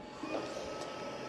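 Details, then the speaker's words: BiWaze Cough assist device in manual mode, switched on and automatically holding its pause pressure of 14 cm H2O: steady mechanical whirring hum. "y ahí automáticamente va a arrancar con la con la presión de pausa. Si la tengo en cero, va a ser cero. Y si la tengo en 14, como en este caso, arranca con 14 cm de agua la presión de pausa."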